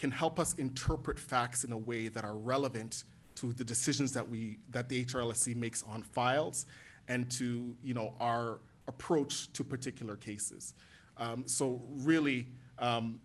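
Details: Adult man speaking; normal voice.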